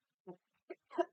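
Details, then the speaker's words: Voluntary cough on request during a speech-language pathologist's bedside swallow evaluation, testing vocal quality after an oral motor exam. "The next thing we're going to do is test your vocal quality. So, I'm going to have you cough for me."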